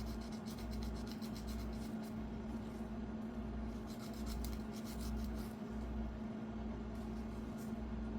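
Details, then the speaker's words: Nail filing during a foot care demonstration by a foot care nurse: soft, steady rasping strokes over low room hum as a file smooths sharp edges of freshly clipped toenails. "Now the next thing that I'm going to do is use the file to um file down any sharp edges, okay?"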